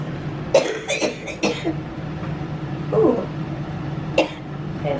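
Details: Adult woman with cystic fibrosis on steroids, coughing during coached pulmonary function testing at the hospital; several short, harsh coughs and throat clearing over room noise.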